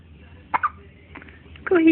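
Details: Two quick, sharp hiccup catches, then a short voiced sound against low background hum; hiccups.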